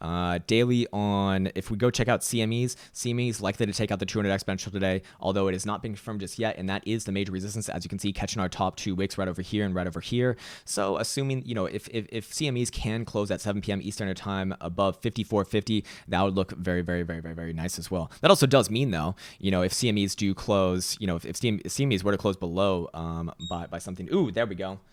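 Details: Stuttering in a male speaker who reports his own stutter and finds it annoying and embarrassing.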